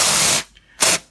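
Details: Liquid nitrogen cryotherapy spray on finger warts: two bursts of loud hissing spray with a short pause; warts possibly deeper than expected, having not resolved with earlier treatment; patient says it stung.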